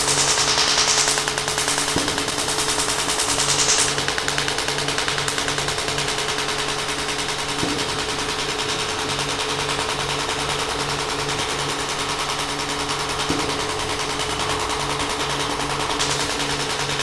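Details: Shockwave therapy applicator applied to an adult's back; the subject reports feeling almost nothing. Rapid, steady mechanical clicking pulses at roughly 200 a minute as the device fires, with background music.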